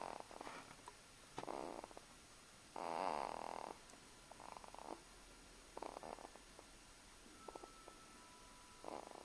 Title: snoring